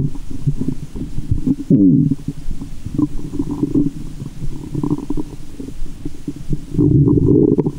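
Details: Adult woman's abdomen heard through a stethoscope in the belly button after candy and fizzy soda, during belly movements: loud continuous gurgling and rumbling with sloshing; active bowel sounds (borborygmi).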